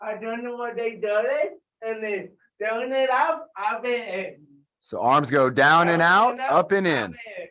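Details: Dysarthria in an adult with cerebral palsy, calling out an exercise after being prompted to talk loudly.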